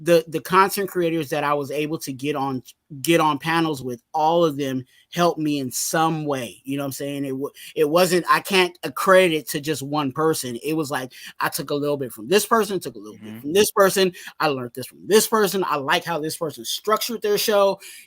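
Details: Stuttering in an adult male, severe in childhood and now milder but still slightly present in his speech.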